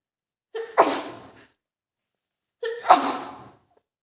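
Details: Female adult with an early common cold caught from her boyfriend, two sneezes about two seconds apart, each a short in-breath then a sharp explosive burst; sneezing with a cold.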